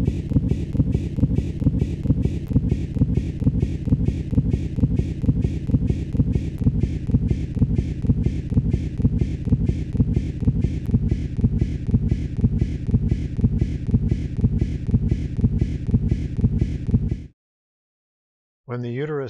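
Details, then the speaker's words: Fetal heart rate on fetal Doppler with occult umbilical cord prolapse: a deceleration from cord compression during contractions that resolves between contractions as blood flow returns and the heart rate goes back to normal. "between contractions umbilical cord compression is relieved and blood flow to the fetus is restored with the return of normal blood flow to the fetus the deceleration resolves and heart rate returns to normal"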